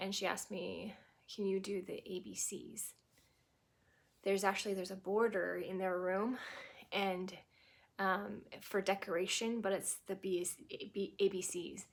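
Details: Adult woman who had a stroke at 18, 25 years ago, causing global aphasia (Broca's plus Wernicke's) with right-sided paralysis, now recovered to anomic aphasia with word-finding pauses, verb tense and preposition errors, fillers and repetitions; anomic aphasia.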